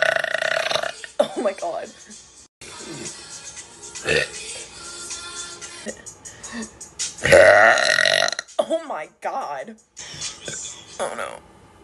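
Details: Girl burping on a live stream: several voiced belches mixed with talk, laughter and background music.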